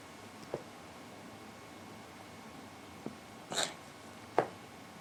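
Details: 2-year-old cat having an asthma attack, not a hairball: a few short, dry, wheezy coughing bursts in a quiet room; later treated with a daily inhaler.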